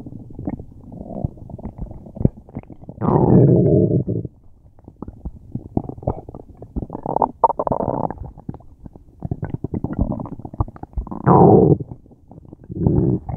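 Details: Person with a tummy ache: loud, low gurgling and rumbling bursts with bubbling pops, recurring throughout; very active, loud bowel sounds (borborygmi).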